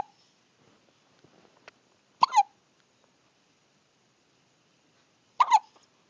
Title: I can has hiccups!